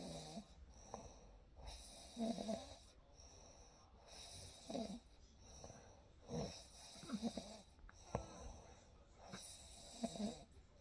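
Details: Real night recording: soft, rhythmic snoring with gentle rattling on each breath over a faint background hiss in a quiet room.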